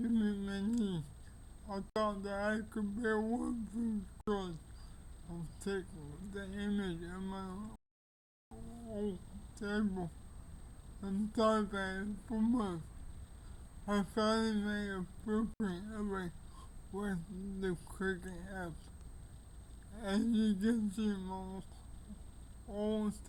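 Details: Older man with cerebral palsy; dysarthria due to cerebral palsy.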